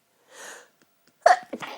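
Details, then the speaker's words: A soft breathy intake, a pause, then a sharp explosive sneeze with a short voiced trail: an allergic sneeze from a dust allergy set off by a marathon cleaning session. "just really want it interested this was set off by a marathon cleaning session"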